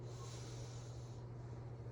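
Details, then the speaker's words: An adult patient breathes in through the nose during a nursing head-to-toe assessment testing nasal patency; nose intact with no erythema or drainage, and nasal patency intact. "I'm gonna test your nasal patency so I want you to breathe in"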